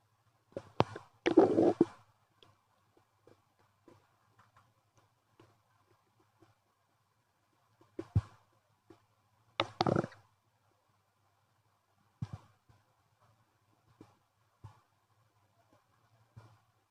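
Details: Loud gurgling and rumbling bowel sounds (borborygmi) from an unusually active stomach after eating a chicken-nugget wrap with sauces and milk tea.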